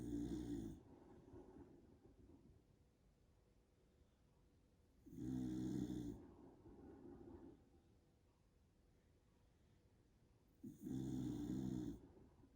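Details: A dog snoring steadily at about 11 breaths a minute: three loud rumbling snores about five to six seconds apart, each followed by a softer breath out.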